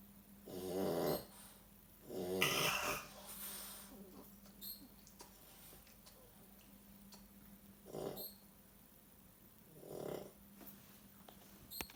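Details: Dog snoring.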